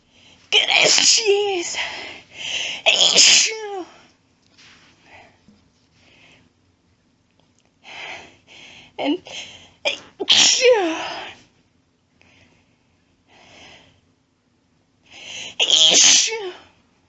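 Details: Woman announcing her own very powerful sneezes: several forceful sneezes with sharp intakes of breath before them and quieter sniffing or nose sounds between; ordinary sneezing.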